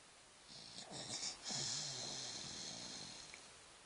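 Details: Child snoring, owner suspects sleep apnea: a single rough, rattling snore on an in-breath with a brief snort in a quiet room.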